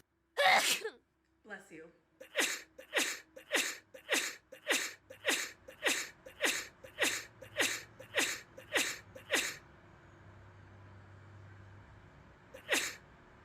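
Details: A long run of sharp, explosive sneezes in quick succession, about one every half second.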